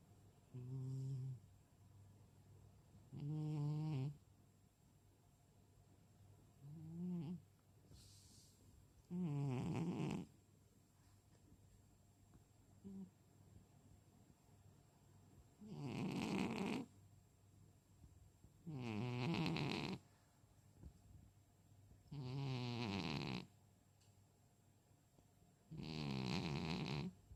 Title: Mr.Timon snoring cat | Мистер Тимон храпящий кот